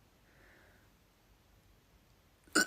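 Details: Person with spontaneous hiccups while talking: near-silence, then a single sharp, abrupt hiccup at the end; hiccups.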